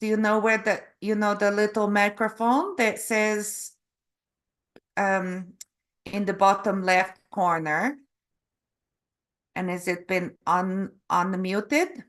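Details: Canadian adult woman from Calgary; stroke November 2023 causing aphasia with word-finding difficulty and apraxia of speech; foreign accent syndrome began after a further hospital episode in February, self-described as Eastern European; foreign accent syndrome with aphasia and apraxia of speech.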